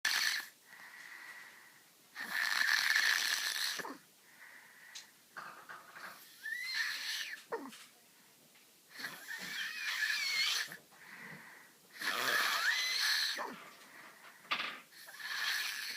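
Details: Three-year-old boy with glue ear, enlarged tonsils and adenoids, moderate hearing loss and language delay, snoring loudly during sleep; loud harsh whistling snores suggesting airway obstruction: snoring with obstructive sleep apnea.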